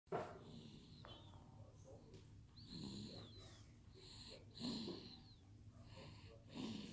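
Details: 3.5-month-old infant asleep, soft irregular snoring noises with each breath, about 30 a minute, over faint room noise; infant snoring.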